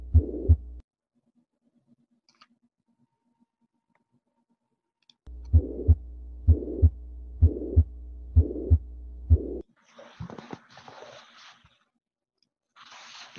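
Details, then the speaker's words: Adult male patient with diminished breath sounds, no crackles and no palpable apical impulse; regular heartbeat near 64 a minute with a holosystolic blowing murmur, mitral regurgitation. "so um those of you who voted um my regurgitation versus aortic stenosis um so great that you you identified that it's a systolic murmur and this one um it was actually a mitral regurgitation murmur"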